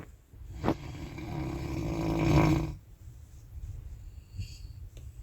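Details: Person snoring on an Anapa train, recorded 3 July 2022: one long, low, rumbling inspiratory snore, then quieter breathing over train and carriage noise.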